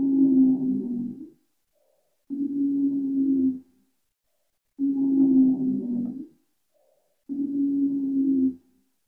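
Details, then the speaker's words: Asthma heard through a stethoscope on auscultation: musical, whistling wheezes fill each breath from narrowed airways. "these are the sounds that you hear with asthma if you were to do a oscilation with your stethoscope"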